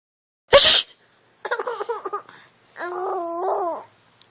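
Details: A parent's fake sneeze: one sharp, explosive sneeze, followed by a baby girl's voiced laughing sounds.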